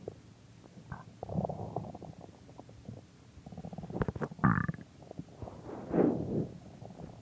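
Bubbling gurgles and several drawn-out growls: ordinary stomach rumbling.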